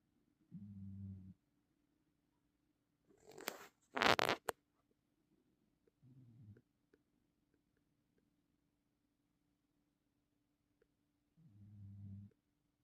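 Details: Rescue puppy snoring while asleep: soft, low snuffling snores in a quiet room, interrupted by a brief rustle or crunching noise.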